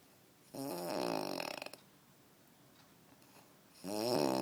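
Two loud, rough, rattling breaths about three seconds apart over quiet room noise: snoring.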